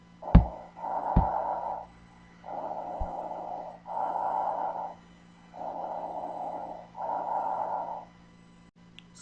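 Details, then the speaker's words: Normal bronchial breath sounds, heard over the large airways in a teaching recording: loud, hollow, blowing breathing with clear pauses between phases. "los ríos respiratorios normales difieren de acuerdo con o no el grosor de la pared torácica 2 la edad de la persona 3 el patrón de respiración 4 el lugar de auscultación sonido bronquial"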